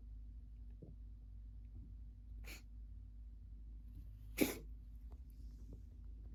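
A cat gives two sudden, sharp snorting bursts over a quiet background, typical of reverse sneezing.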